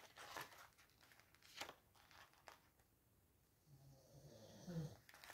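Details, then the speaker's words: One low, rattling snore from a sleeping adult man in the background, with close paper crinkling and tearing in a small room: snoring. "Je suis désolée, vous allez entendre mon mari ronfler, il s'est endormi."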